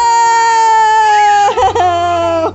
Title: crying